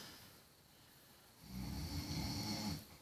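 One loud, rattling snore on an in-breath, following a quieter stretch of breathing.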